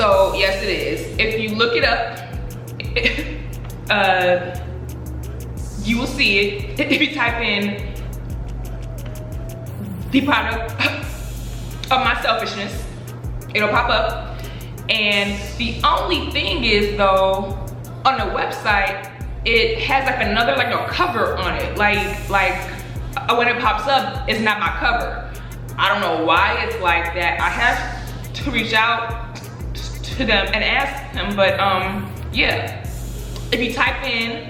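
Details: Stuttering in an adult woman who stutters and says she stutters less when angry.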